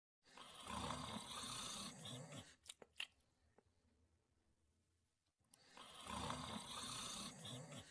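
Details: Sleeping dog (Jack) snoring: rough, rattling snores on the in-breath, with a quiet pause between two long snoring breaths.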